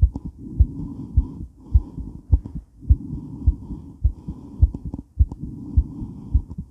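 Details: Woman's heart recorded while moving during and after weight training: rapid, regular, pounding heartbeat at about 105 a minute with movement noise and heavy breathing; normal heart sounds, fast rate after exercise.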